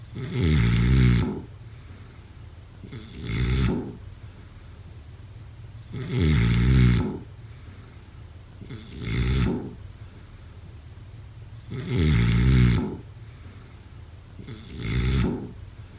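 Deep rattling snores alternating with softer ones, each about three seconds apart, about 22 a minute, during sleep.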